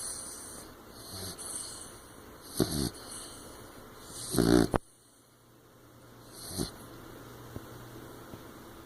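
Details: Sleeping 15-week-old blue nose pit bull puppy with eyes open: soft snuffling breaths with a few brief snorts over a quiet background; snoring and snorting.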